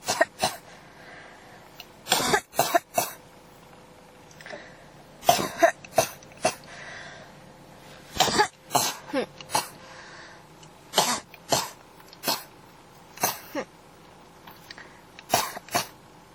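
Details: A cough that won't stop: repeated clusters of short, dry coughs, roughly two dozen over sixteen seconds, with brief pauses between runs; persistent cough.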